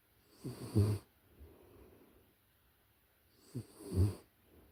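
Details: Puppy in deep sleep, close-up recording: soft, low, rhythmic snores about every 3.5 seconds, roughly 17 breaths a minute; normal puppy snoring.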